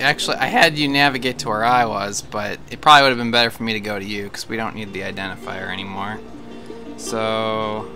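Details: Adult male speaker; conversational speech.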